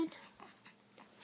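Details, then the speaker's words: Infant with hiccups: soft, brief catch-like bursts, about three in a second. "Hey. Oh, who's got the hiccups? Raise your hand if you have the hiccups."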